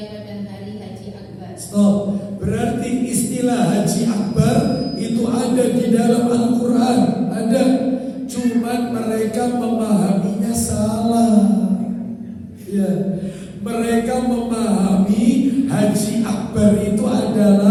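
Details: Dysphonia with a strained voice in a man with a self-reported vocal cord disorder of almost 2 months, improving but still forced.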